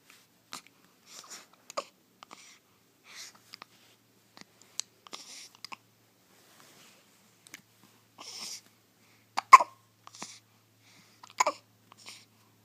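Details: First hiccups of a 4-day-old newborn: brief, sharp, irregularly spaced catches in a quiet room, with soft infant breaths and small noises between.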